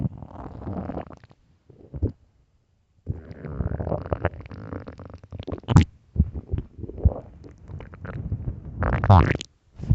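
Loud, long, low gurgling and rumbling with short pauses. These are stomach growls, normal bowel sounds on an empty stomach.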